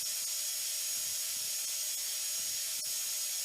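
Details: Steady high-pitched hiss and whine of a simulated dental drill with faint ticks, from a haptically enabled virtual reality dental training simulator.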